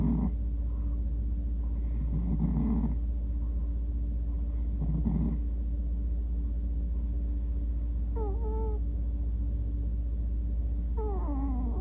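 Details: Male cat snoring as he falls asleep, fidgeting as he dreams: soft breathy bursts every few seconds, some ending in squeaky, horn-like toots like a little trumpet, over a steady low hum.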